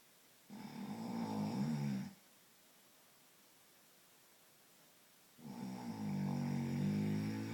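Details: Two long, deep, rattling snores on inhalation with a quiet pause between, roughly 12 breaths a minute, from an adult man (a father) asleep; snoring.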